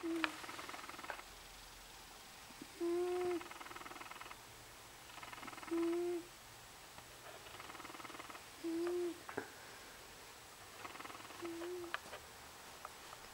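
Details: A cat breathes at about 21 breaths a minute with a short, tonal, whistling hum on each breath; the owner is unsure whether it is snoring or wheezing.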